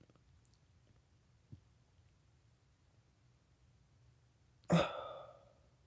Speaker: I'm trying to make myself sneeze for Ed Gold for Ed's World.